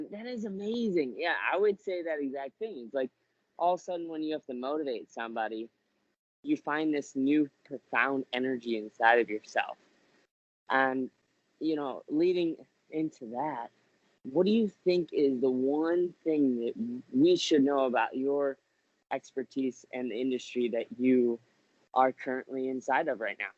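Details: Adult male speaker; normal speech.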